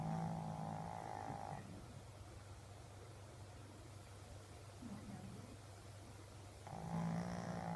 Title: Snoring